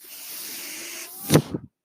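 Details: Speaker's own mechanical ventilator breathing cycle during a podcast: a steady airy hiss with a faint rising tone, then a brief puff and soft thud as the cycle switches.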